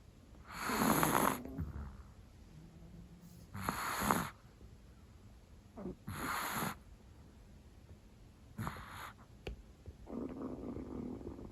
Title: お寝坊チワワのいびきが可愛くうるさい - chihuahua snoring is adorably loud -